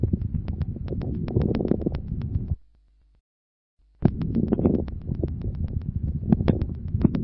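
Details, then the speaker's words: Mid-inspiratory crackles: scattered brief crackling pops dominating mid-inspiration and sparing its start and end. They reflect bronchial secretions, vary from cycle to cycle and often come with a few expiratory crackles. "ique] hilco domine au milieu de l'inspiration et respecte le début et la fin d'inspiration ils traduisent l'existence de ces questions bronchique d'où leur caractère variable d'un cycle à l'autre et leurs associations fréquentes à quelques crépitant expiratoire"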